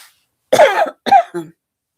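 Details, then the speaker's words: Two short bursts of coughing followed by a throat clear, from an adult woman on a livestream who attributes the coughing to skipping her allergy pill that day. "The coughing is because I neglected to take my allergy pill today."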